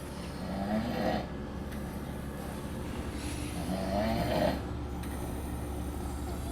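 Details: Adult men on a trip to Las Vegas: two loud, rough, voiced inhaled snores about three seconds apart over a steady low engine-like hum; snoring.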